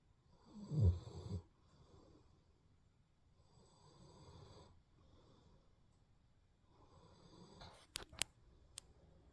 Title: Rocky Snoring 20230111 222616